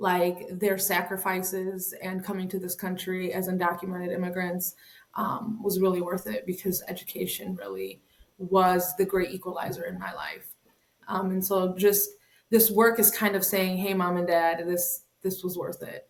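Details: Adult woman speaking; normal speech.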